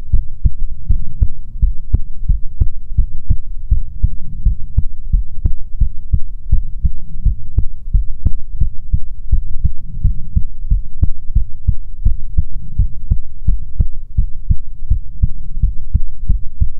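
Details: Steady, regular low thumps, roughly 80 to 90 a minute, over a faint hum, in an ASMR heartbeat recording meant to be soothing; normal heartbeat.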